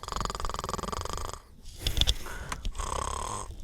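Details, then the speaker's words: A sleeping bulldog snoring: a rough, rattling snore with a brief pause, plus some clicks and shuffling sounds. "I wonder you can hear my dog snore"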